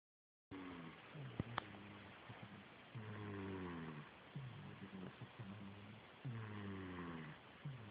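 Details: Steady rhythmic snoring, with low rumbling breaths repeating every couple of seconds over a faint room hum; snoring.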